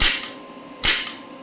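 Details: Biotronix electromagnetic radial shockwave therapy machine, clinical model, applied to the elbow: it starts at 1 Hz and 5 mJ, then energy is raised toward 65 mJ. Two sharp cracking pops about 0.8 s apart as the applicator fires pulses.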